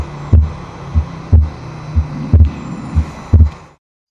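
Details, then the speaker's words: Simulator, pulmonic area: regular heartbeat at about 60 a minute with a low hum behind it; the second heart sound is split throughout, more in inspiration than expiration; widely split second heart sound. "en el foco pulmonar van a escuchar que el segundo ruido está desdoblado permanentemente, pero pueden escuchar que se desdobla más en la inspiración que en la expiración."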